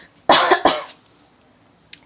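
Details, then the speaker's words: Young woman who coughed a lot overnight and on waking gives repeated coughs. "it's like last night i was just coughing a lot coughing a lot like just a lot and then i woke up this morning and like a lot a lot of coughings you can hear"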